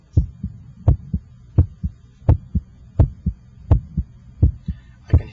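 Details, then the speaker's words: Electronic stethoscope at the apex (PMI), with the radial pulse felt to time S1: regular lub-dub at about 85 a minute with the first sound louder at the apex. Normal heart sounds (S1 and S2). "your first heart sound and I can hear the second heart sound the first hot sound should have a louder quality in this apical position"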